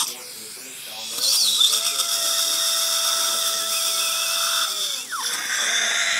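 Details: Steady high-pitched dental implant drill whine for several seconds, faint room sounds, drilling for 2.5x11 mm mini implants at #14 after extracting decayed teeth #12 and #14 broken at gum line.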